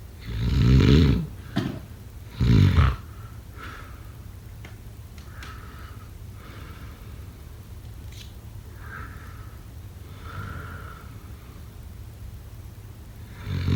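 Two loud, rough snoring breaths, then a long quiet stretch of faint breathing, and another snore beginning at the end; snoring.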